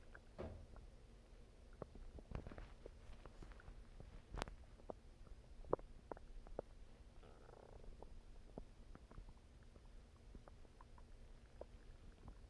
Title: Stomach Growling